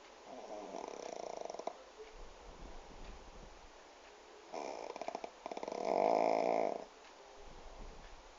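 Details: Pug asleep sitting in owner's lap with head resting on table, loud rattling, snorting snores on each in-breath with quieter breaths between; snoring.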